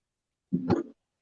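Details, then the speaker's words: Adult coughing during a livestream, said to be coughing up a storm; a single short, harsh, throaty cough burst in a quiet room; cough. "you're coughing up a storm there bud"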